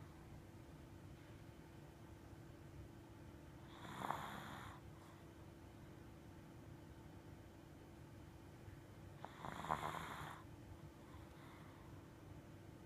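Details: Shih tzu/poodle mix dog snoring in his sleep: two slow, rough snoring breaths about six seconds apart over a steady background hum.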